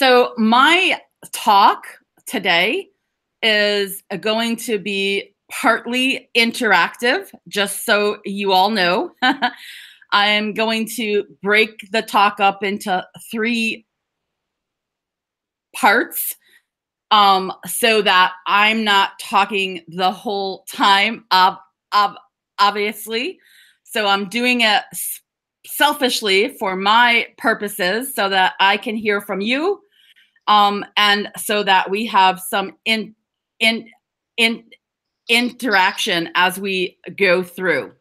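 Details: Adult woman who describes herself as a person who stutters/stammers and serves on the National Stuttering Association board, giving a stuttering awareness talk; stuttering.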